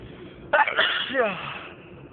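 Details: Person sneezing, unstifled: a single sudden, explosive sneeze with a sharp intake before it and a trailing voiced exhale.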